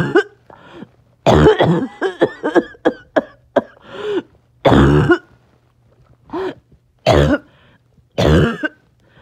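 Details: Child's harsh, hoarse, barking cough in bursts and quick clusters with short pauses, occurring on and off all day.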